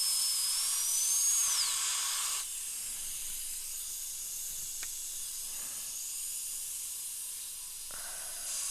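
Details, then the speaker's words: High-speed dental drill tracing out and removing an old large amalgam filling from tooth number two, an upper second molar, before a porcelain crown; the tooth has decay and a crack, and the patient is numbed with a rubber dam in place. High-pitched whine and hiss. "so now I'm going to go ahead and and just Trace literally just Trace out the amalgam and we know the depth of the spur is 2 mm for good size Alloy on a second Moler"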